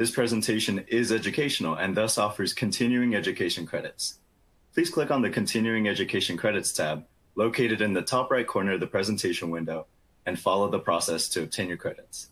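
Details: Adult male speaker; Normal speech.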